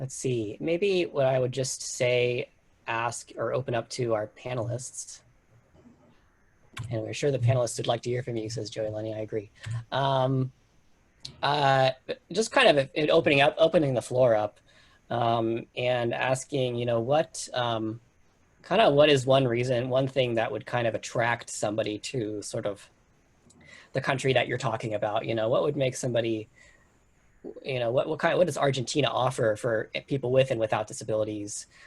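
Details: Adult speaker; Typical speech.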